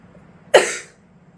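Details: Coughing from a young woman born in 2003, a second-year medical student, who has been coughing a lot during a respiratory infection now in its fourth week.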